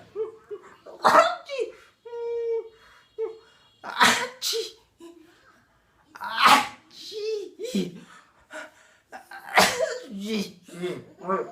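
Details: Playful imitation sneezes ("achi") made to amuse babies: four loud sneeze bursts between sung or spoken sounds, with a child's laughter.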